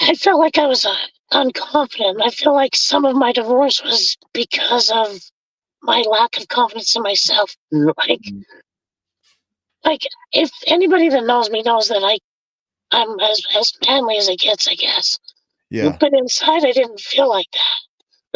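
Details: Adult male with vocal fold paralysis from a four-wheeler accident at age 25 that split his trachea and tore his oesophagus; had a tracheostomy removed after two months, scope still shows paralysed cords; has spoken this way for over 25 years.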